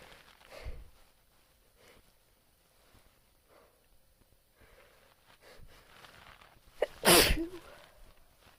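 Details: Quiet breathy inhalations building up, then one loud explosive sneeze near the end; self-induced sneeze recorded on a phone; sneeze.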